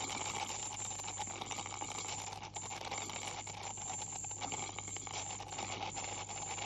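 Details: Steady high-pitched hiss and whine with water spray and rattling as a dental hygienist uses an ultrasonic scaler on a 44-year-old woman's teeth with heavy plaque and tartar, possibly gingival inflammation.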